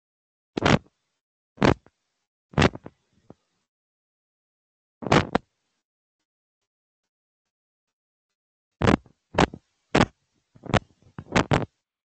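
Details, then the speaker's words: Needle EMG speaker: brief crackling bursts as the needle is inserted and moved in muscle, shifting the baseline; normal EMG insertion activity. "Entonces, digamos que la actividad de inserción es la primera parte. Esto es lo que nosotros vemos en la actividad de inserción."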